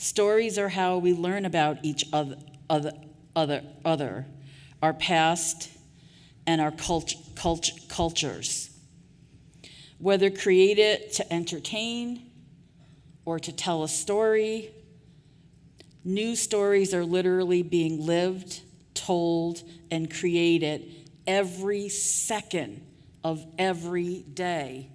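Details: Adult woman who stutters, formerly a covert stutterer; audible sound repetitions; stuttering.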